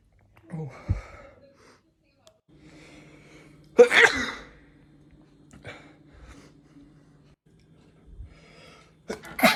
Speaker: Bless me. I told you I was gonna sneeze. Bless me. Bless me.